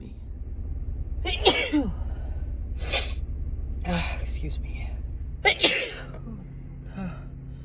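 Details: Woman sneezing about five times in quick succession, each forceful sneeze preceded by a sharp gasp, mostly brought on by dust allergies; low room hum; repeated allergy sneezing.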